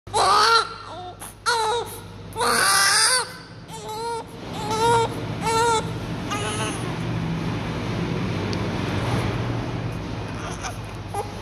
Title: Small Baby .Not Active Cry .We Provide Oxygen And All Other Treatment Start For 3 Days